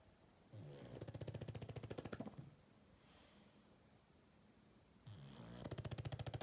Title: Snoring english bulldog